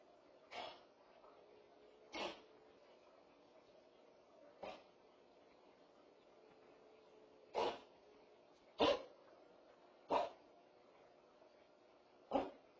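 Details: Dog, Samson, with kennel cough: seven sharp, dry hacking coughs at uneven intervals.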